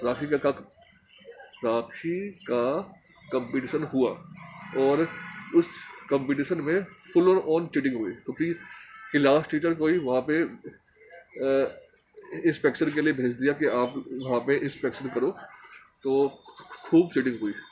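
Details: Man who stammers, speaking Hindi in a stammering association course task on emotional recovery; stuttering.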